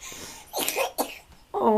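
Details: Infant with a first cough and cold, sharing a crib with a congested sibling: two short, harsh coughs, then a brief voiced cry-like sound; cough.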